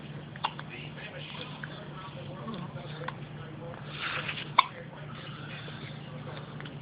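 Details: Hiccups: about three brief, abrupt little catches over steady room hum.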